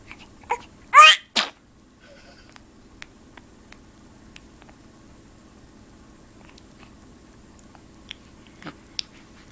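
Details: Sneezing by a little one: a few quick, sharp sneeze bursts near the start, then a quiet room with faint clicks and rustles.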